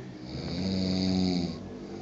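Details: Very loud snoring, described as sounding like an F1 car: a single long, rattling, buzzing snore drawn out on one breath.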